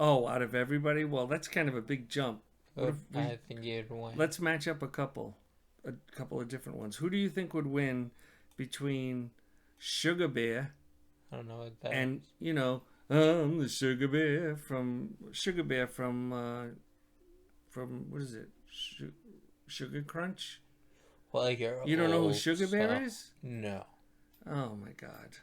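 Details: Adult male speakers in casual conversation; ordinary conversational speech.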